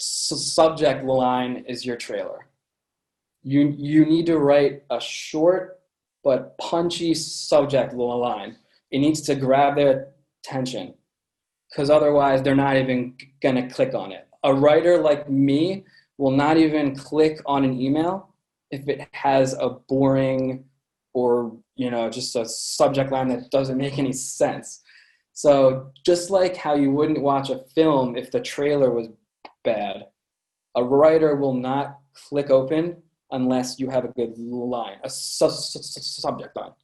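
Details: Adult man with a lifelong stutter present since birth; repetitions in this stretch; stuttering.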